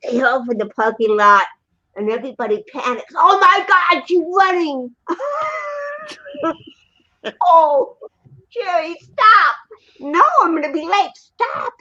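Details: Adult woman with cerebral palsy, 75% hearing loss and hearing aids; dysarthria (cerebral palsy).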